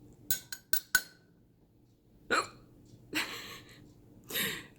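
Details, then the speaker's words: Person with hiccups before trying a spoonful of sugar as a cure: several sharp, abrupt gulping catches in quick succession, followed by breaths; typical hiccups. "hello I have the hiccups and I'm gonna I'm gonna show you how a spoonful of sugar"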